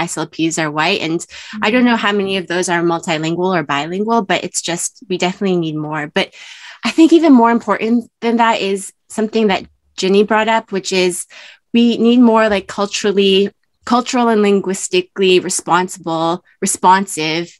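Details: Adult woman speaking; typical speech.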